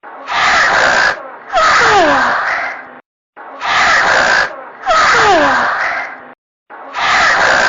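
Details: Animated character Akari sleeping: repeated loud breathy inhaled snores with a falling whistle-like exhale, about 18 a minute; snoring.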